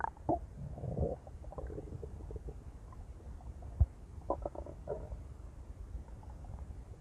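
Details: Female with loud, low gurgling and rumbling bowel sounds and bubbly pops; intense stomach growling, borborygmi.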